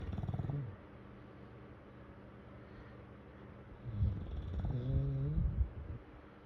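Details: English bulldog asleep, snoring with low fluttering snorts and a rising groan-like snore; snoring.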